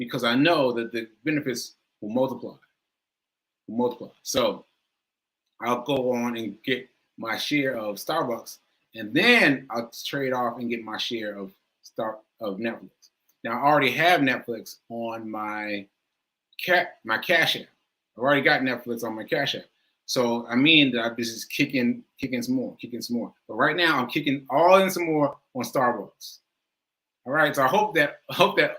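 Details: Male speaker who says aphasia is affecting him today and that he lost track of his point; speech shows word repetitions. Aphasia.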